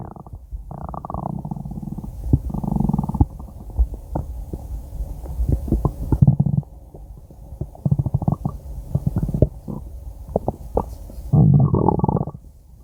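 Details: Five-minute recording of stomach growling (borborygmi): low gurgling and rumbling bursts of varying length from the belly.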